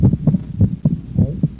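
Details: Physiological splitting of the second heart sound: regular heart sounds with S1–S2 on expiration and S1–A2–P2 on inspiration, the split from delayed pulmonic closure as more blood enters the right ventricle.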